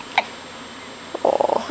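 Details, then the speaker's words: Hiccups in a five-day-old baby boy while feeding: one abrupt hiccup, then fussy, fragmented vocal sounds. "you have hiccups sweetie makes it awfully hard to eat"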